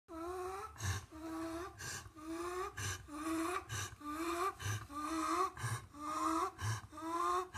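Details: High, whistling wheeze on every breath with rapid breathing, about 60 breaths a minute: wheezing.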